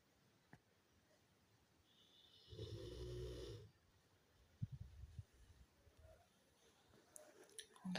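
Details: Dog asleep at lunchtime, not waking when called, snores like a human; snoring.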